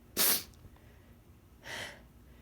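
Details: Sneezing fit from a new allergy, possibly dust from not vacuuming, with watering eyes: a sharp, loud sneeze followed by a softer second one, with quiet room noise between.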